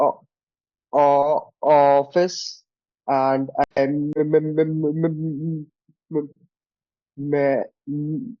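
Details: Male participant in a stammering practice group; stuttering.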